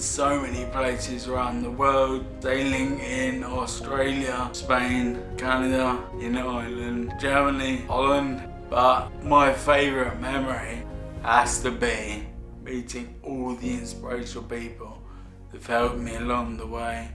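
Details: Adult man with Friedreich's ataxia, a degenerative disorder of nerves and muscle control noticed at age 13, who says his speech has got bad; ataxic dysarthria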